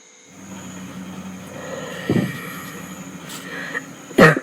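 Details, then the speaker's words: Two or three short, harsh, dry cough bursts over a steady low rumbling background, played as an example of loud cough denoting dryness: barking cough. "So here you can see a lot of dryness, and again it's typically like a barking sound. So the rubric here is barking, and in Fartak repertory you have 9 remedies over here giving remedies for barking."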